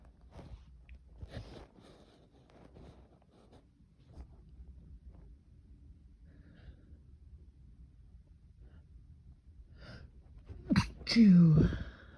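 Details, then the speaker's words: Sneezing fit: quiet sniffs and breaths building up, then two loud explosive sneezes close together near the end. "Let's see how much I can sneeze. I feel like I kind of did a lot."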